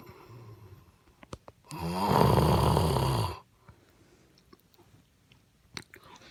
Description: I’ve always said I don’t snore, I “purr.” Have a listen.... am I right? Or am I right!?